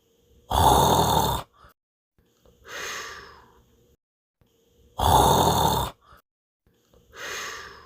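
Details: Dinosaur Minion snoring as a cartoon snoring effect: two cycles of loud, rasping inhaled snores, each followed by a softer, airy breath out.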